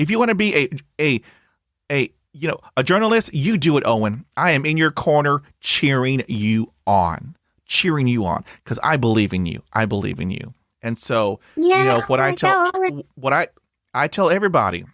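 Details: Adult male host with a severe stutter since childhood; word and part-word repetitions in conversational speech; stuttering.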